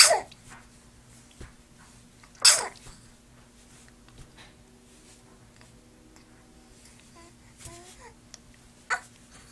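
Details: Sneezing: two sharp, hissing bursts a few seconds apart, with brief soft vocal sounds between them in a quiet room; recording also features talking and hiccups.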